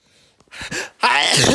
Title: 64 undecillion sneeze